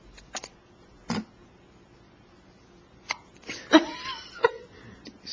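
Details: Chubby baby with hiccups, recorded October 2009: several short, abrupt catching sounds at uneven intervals with quiet gaps between them; hiccups.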